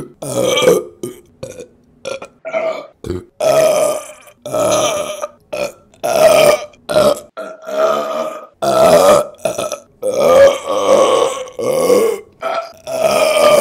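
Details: Female burping compilation: a rapid series of about twenty loud, voiced belches in quick succession.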